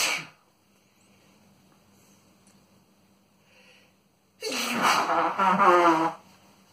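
A sharp sneeze, quiet gap, then a prolonged noisy burst of successive sneezes, part of a sneezing fit.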